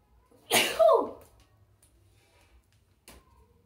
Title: Tickle sneezes Africa 🌍.